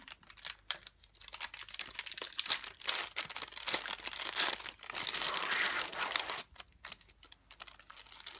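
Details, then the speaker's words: Loud crinkling and tearing of plastic wrapping in a small room as three-way IV infusion tubing is unpacked, to be connected to the prescribed solution while preparing a peripheral venous line and infusion. "On va ensuite ouvrir notre tubulure."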